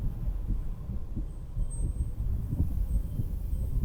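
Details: Woman's own real heartbeat through a stethoscope while sitting on a beach house porch: low, muffled, regular thumps, normal heart sounds, under a steady rumble of wind and ocean.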